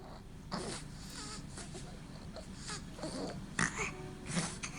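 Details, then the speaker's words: Baby snoring, played by a dentist who sees babies referred by lactation consultants and pediatricians. "is snoring baby snoring and we're all supposed to be born perfect"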